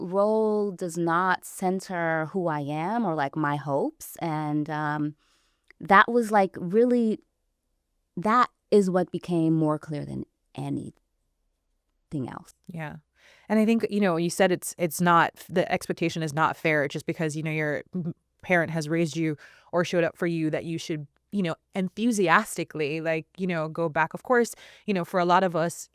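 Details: Adult woman, a caregiver, who self-identifies as a person who stutters, speaking in conversation; stuttering.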